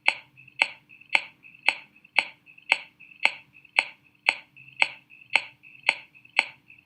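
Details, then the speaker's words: Percussion over lung lying in front of the liver: a steady series of about thirteen short, dull taps with little ring, with room sounds between; an impaired (subdull) percussion note, a normal variant. "Entonces, esta interposición de normal, esta importación normal del pulmón por delante y de la parte posterior del hígado me genera un sonido que es la submatidez. Bien. Y la submatidez se va a escuchar así."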